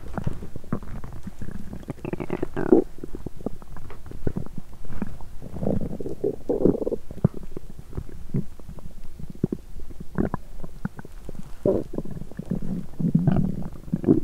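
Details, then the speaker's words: Loud bowel sounds (borborygmi) of an empty stomach after exercising while hungry: continuous low gurgling and rumbling with bubbling pops. "Âm thanh réo rắt của dạ dày tôi tiếp tục một lúc"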